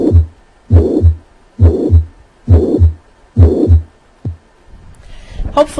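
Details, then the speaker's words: Mitral regurgitation murmur at the cardiac apex, holosystolic, high-pitched and blowing, starting after three normal beats; regular rhythm near 67 a minute with the murmur filling the gap between first and second sounds. "murmur of mitral regurgitation is holosystolic and is heard best at the cardiac apex this murmur is high-pitched and glowing in character listen to a patient with mitral regurgitation"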